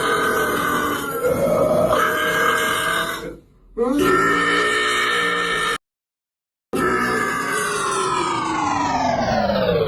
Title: *burps just a little too loud*